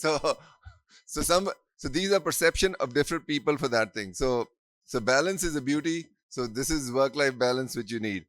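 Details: Adult man speaking; ordinary speech.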